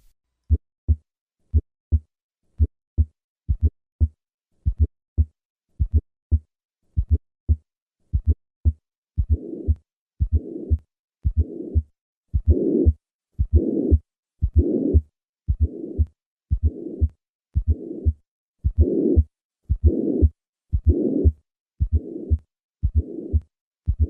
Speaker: Listen once again to the pansystolic murmur of tricuspid regurgitation accompanied by a fourth heart sound.